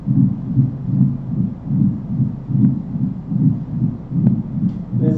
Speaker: And then here's what a diastolic sounds like.